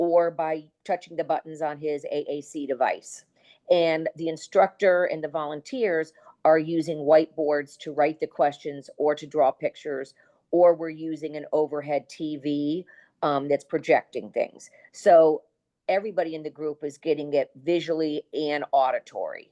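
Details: Adult woman speaking; normal speech.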